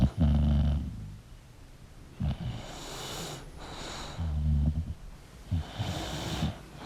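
Deep, rattling snores on the in-breaths with softer, airy breaths out, from a sleeping dog.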